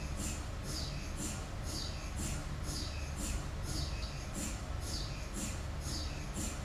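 Steady low hum under a rhythmic, repeating hiss-like pulse about twice a second, typical of an MRI scanner running a sequence.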